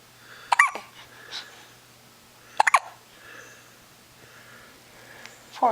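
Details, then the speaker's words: A 10-day-old baby girl gives three short, sharp hiccups, each a quick voiced catch, over quiet room noise. Hiccups. "You got hiccups? Yeah, there's one. There's another hiccup."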